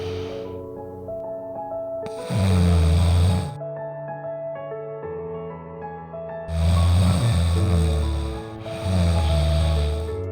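Loud, rough snoring on the in-breaths, about 14 a minute, with music playing underneath.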